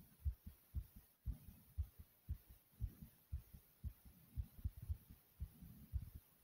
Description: My Heart was pounding kinda fast in this video.